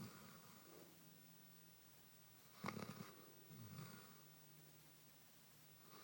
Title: Basset Hound Marley snores while sound asleep